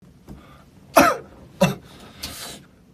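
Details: Cough from an SF9 member: two sharp, short cough bursts followed by a softer throaty exhale; a plain dry cough.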